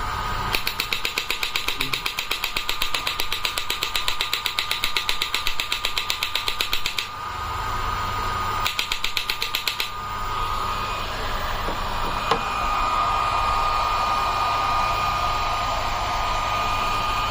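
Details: Portable Biotronix electromagnetic shockwave therapy device (selectable body modules such as elbow, knee and shoulder; energy up to 200 mJ) firing: rapid regular clicking pulses, about 2–3 per second, in two runs over a steady electronic hum.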